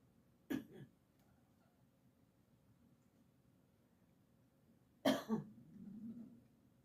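Two short, sharp adult coughs several seconds apart, the second followed by soft chattering from a pet, in a quiet room.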